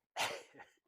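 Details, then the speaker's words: Single harsh, explosive cough from a horse being lunged before riding, sharp onset fading over about half a second; cause unknown, horse also coughs without the bit, tests found nothing respiratory, dust suspected. "let's get him going on the lungs and see how he's going to go for you under saddle no idea why he's coughing"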